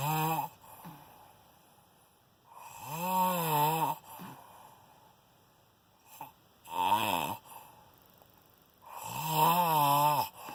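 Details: Snoring at 4:40 am on the second night, described as shocking: repeated buzzing, wavering snores with quiet pauses between breaths in a quiet room.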